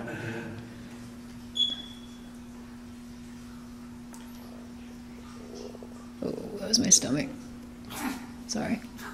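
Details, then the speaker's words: An adult's stomach rumbling in a quiet room with steady electrical hum: two short gurgling, squeaky bursts. Stomach rumbling (borborygmi). "you hear that yeah that was my stomach oh sorry oh there it goes again that's bad that sounds bad"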